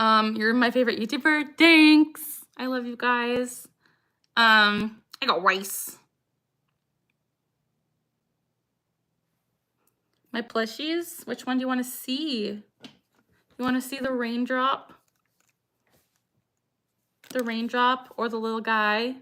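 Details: Woman, 26, with Tourette syndrome diagnosed at 12, tics since about age 3 or 4, producing her frequent phrase tic "I got rice", present about six years; tics increase when discussing Tourette's; vocal tic (Tourette syndrome).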